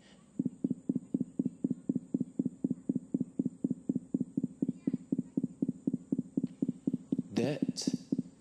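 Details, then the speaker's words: Resting heartbeat of a Ruby-throated Hummingbird at about 250 beats per minute: very fast, even thumping, a normal resting rate for the species (about 1200 per minute in flight). "the sound of the heart beating at 250 times per minute while resting"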